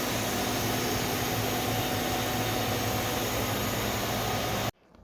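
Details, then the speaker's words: PSA oxygen generator in an oxygen plant, zeolite adsorption towers expelling absorbed nitrogen through side filters: loud steady rushing hiss of gas venting, stopping abruptly. "So that sound you just heard is the nitrogen that is being expelled after it has been absorbed by the zeolite."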